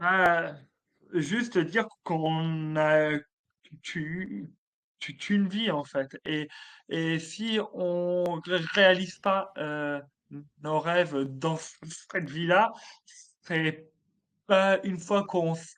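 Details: Adult male comedian with stuttering since childhood, which he describes as part of him, more like an accent; stuttering.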